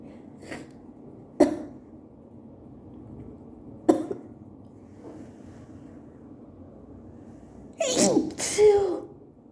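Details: Allergy sneeze attack at work with very wet sneezes: two short sharp bursts, then a loud double sneeze near the end, over room hiss.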